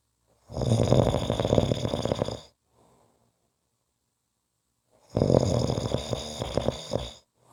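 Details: Snoring: two loud, coarse, fluttering snores about five seconds apart with silence between; vibrating airway noise during sleep.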